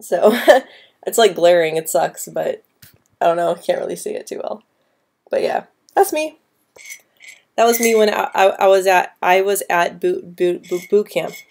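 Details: Woman who stutters since about age 9 or 10, with repetitions and blocks at the start or middle of words, especially P, B and C sounds, worse with anxiety; stuttering.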